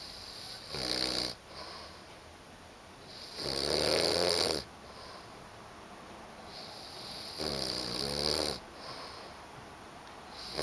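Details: Person asleep with a new puppy, snoring: three loud, rattling snores on the in-breath with softer hissing breaths out between them, about 15 breaths a minute.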